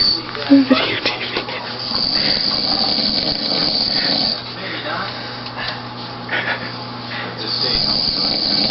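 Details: A sleeping man snores in slow, drawn-out rasping breaths, partly masked by a television in the background; he had napped about five hours that afternoon.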